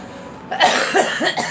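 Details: Girl coughing: a quick run of two or three short coughs over a steady background hiss.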